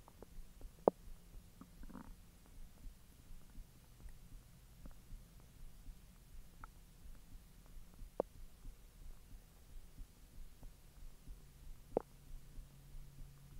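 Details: Quiet low rumbling with scattered soft clicks and gurgles as hotdogs are digested after a 10-hour empty stomach; normal bowel sounds (borborygmi).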